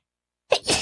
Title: Sneezes 590-591